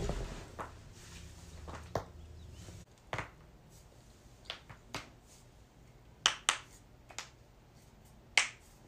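Several sharp, scattered pops and clicks over quiet room noise, typical of neck joint cracking, a harmless release of gas from the joint.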